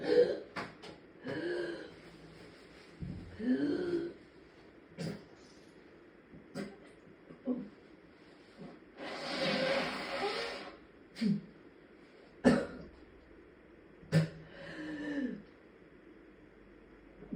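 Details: Retching: puking without coughing, from a person in prolonged severe migraine status who vomited for days, sometimes for hours, and was later hospitalized dehydrated and exhausted.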